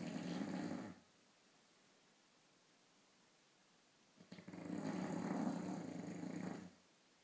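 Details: Dog snoring loudly while asleep: long, buzzing, rattling snores with a pause of a few seconds between breaths.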